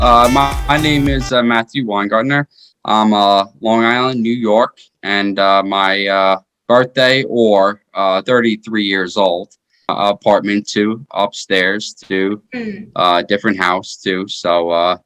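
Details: 33-year-old man with post-stroke aphasia; stroke in 2019 after his second heart surgery, caused by a blood bacterial infection; right hand still paralyzed.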